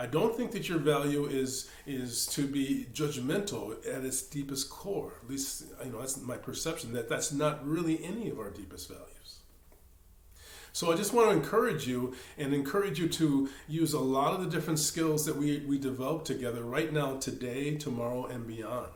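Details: Male meditation teacher who says he stammers; word and part-word repetitions; stuttering.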